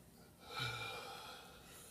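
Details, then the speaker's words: Simulated EMT patient assessment, adult male on 15 L/min oxygen via non-rebreather, breathing in and out on command during lung auscultation: single soft airy breath, no wheeze or crackle; clear lungs. "Now I'm going to listen for lung sounds. Breathe in. Breathe out."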